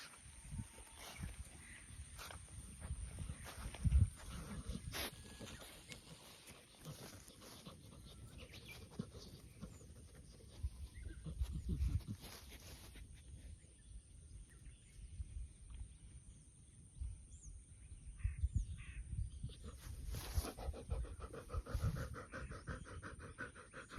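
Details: An 11-year-old female dog, Maru, breathes heavily outdoors in the heat after swimming and walking, her panting louder than faint birdsong and waves: panting.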